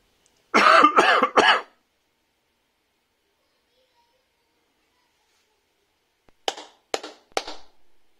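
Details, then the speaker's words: Two runs of three sharp, explosive coughs separated by silence, six coughs in all, recorded during real-time testing of a microcontroller cough-detection model that filters background noise. "noise oh the model we created can successfully predict for coughing versus all other audio states while filtering the background noise"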